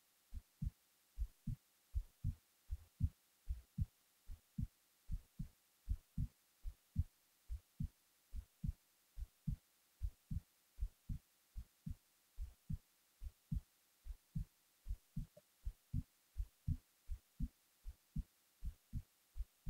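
Steady low thumping heartbeat at about 78 beats a minute, quiet background, recorded while falling asleep.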